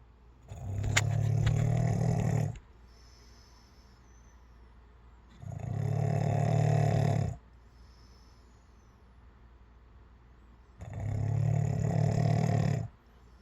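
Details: Three loud, low, rattling snores about five seconds apart with quiet pauses between: ordinary heavy snoring, roughly 12 breaths a minute.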